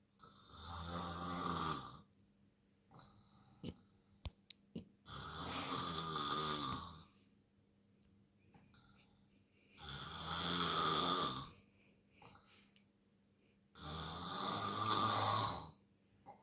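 Loud, rough snores with each breath in, about 14 a minute, separated by quiet exhalations; adult snoring during sleep.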